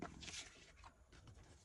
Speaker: My stomach's growling again. Did you hear that?